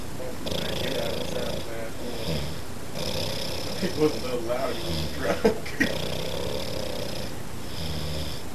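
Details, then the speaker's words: Low rattling snores over a steady background hum: an old man who swears he does not snore, snoring in his sleep, likened to a train or a moped. "There's a train in there. Like a moped. Like a moped right there."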